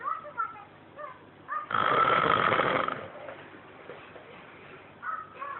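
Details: Person snoring, Elmo audible in the background: a single loud, rough, rattling snore of about a second between quieter breaths in a small room.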